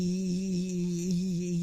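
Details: Vocal tremor judged moderately severe, heard on a sustained 'e'.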